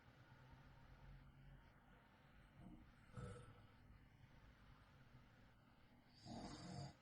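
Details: Adult snoring during sleep, recorded at night (wife recording husband): quiet, low rumbling breaths with a couple of louder snorting snores against room noise; real recording.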